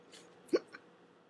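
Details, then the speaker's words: Person with tics (also OCD, ASD), off medication about two months with tics worsening: a single abrupt hiccup-like catch of breath, cut off sharply; a breathing tic, not a true hiccup. "um i know it sounds like a hiccuping tick but actually i it's a breathing tick where i breathe and i stop"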